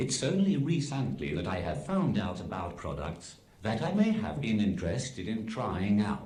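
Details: Text-to-speech communication aid used by an adult man; Synthesized speech from a speech-generating device.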